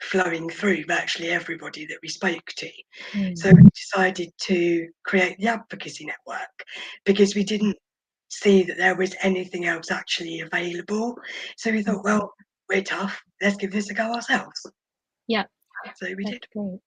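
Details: Adult woman, a former preterm infant who spent about 5 months in the NICU, mostly on a ventilator and oxygen, with vocal cord paralysis attributed to the ventilation: vocal cord paralysis.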